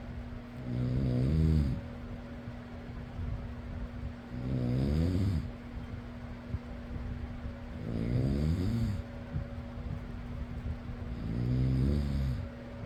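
Four slow, rumbling snores about 3.5 seconds apart, roughly 17 a minute, over a steady fan hum; ordinary snoring.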